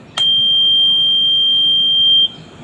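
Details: Oxygen concentrator start-up beep after compressor capacitor replacement, on a unit that had been alarming within 30 minutes of operation: steady high-pitched buzzer tone for about two seconds, then stops.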